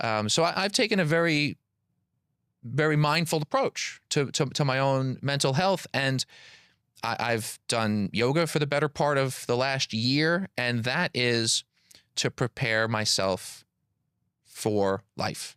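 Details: Adult man with stuttering, a PhD engineer and public speaker who has stuttered since childhood; audible repetitions of words and phrases.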